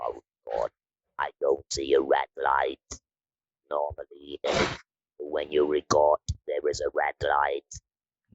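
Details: Woman from the Netherlands who had her larynx removed (laryngectomy), speaking with an Inspiration electrolarynx; electrolarynx speech after laryngectomy.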